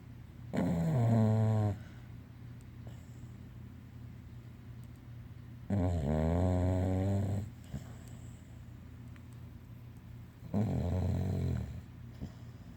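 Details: Three long, low, rattling snores a few seconds apart, about 12 breaths a minute, in a quiet room, from dog Betty White on her first night wearing an e-collar; snoring.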